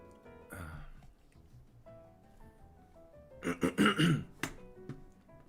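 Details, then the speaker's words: Adult coughing a quick run of about four short, harsh coughs over quiet background music, apologizing for constant coughing during a live chat; repeated coughing. "sorry for the constant coughing I know it might bug you a lot while you're listening on the background"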